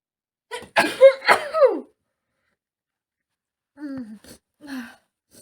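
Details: Woman with a cold: quick run of two or three sharp sneezes with a breathy intake before, then soft vocal sounds; sneezing.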